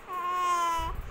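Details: Baby girl crying at her third vaccination visit, possibly also vomiting: one steady, clear, high-pitched infant wail lasting under a second; an ordinary crying sound.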